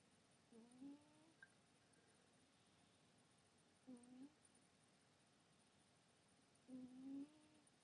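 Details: Sleeping cat snoring: three soft, tonal humming snores about three seconds apart, roughly 20 breaths a minute, over quiet room noise.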